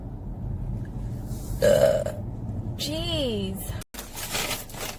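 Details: Adult woman burping: two voiced burps, the second rising and falling in pitch, over steady background noise.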